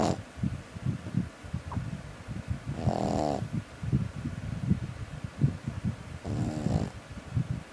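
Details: Sleeping pet puppy snoring: two short buzzing snores about three seconds apart over a rumbling, purr-like background.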